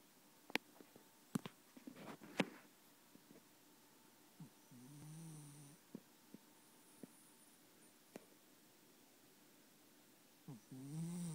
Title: Snoring cat